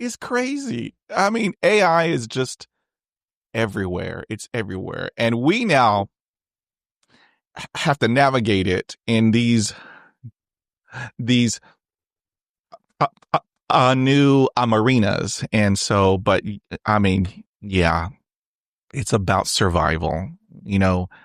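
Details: Adult male who has stuttered since age 5, with on-and-off speech therapy from grade school through college, including therapy in his 20s, and self-esteem struggles due to stuttering; real, unscripted conversational speech showing stuttering.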